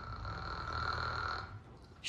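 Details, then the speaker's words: Snoring in a fictional TV drama scene. "You're snoring. You're the one snoring. All pregnant women snore."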